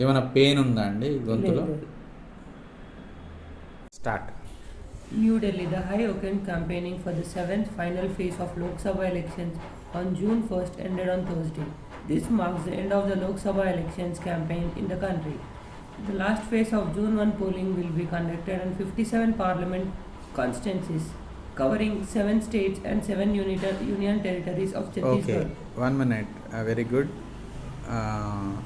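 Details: Young man, a college student with puberphonia in voice therapy, reading a passage aloud; he reports his voice comes out thin when reading normally. Puberphonia (high-pitched voice).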